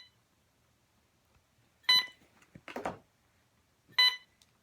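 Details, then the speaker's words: Bedside machine alarm beeping beside a cancer patient: two bright, high-pitched electronic beeps about two seconds apart in a quiet room, with a brief rustle between them. "got my machine to stop beeping and now I'm alone so can talk a little more freely"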